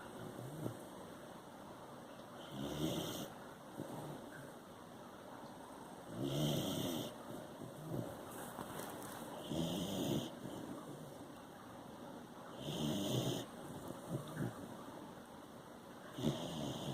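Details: Sleeping puppy snoring: soft, regular snuffling snores at about 18 breaths a minute.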